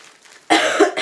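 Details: Woman with a cold, coughing while talking: a single harsh cough burst after a quiet moment.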